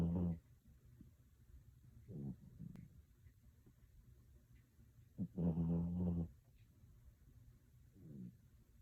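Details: Chihuahua snoring while asleep: low, buzzing, throaty snores in four irregular bursts over about nine seconds, with quiet breathing between them.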